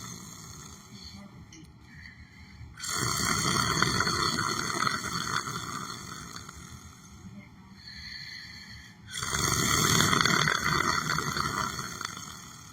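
Two loud, rough, rattling breaths about six seconds apart, with quieter breathing between them: snoring.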